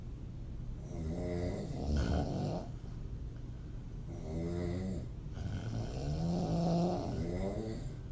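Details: Adult female snoring with mouth open; loud, rattling snores with each breath, about three in eight seconds, with quieter breathing between; snoring.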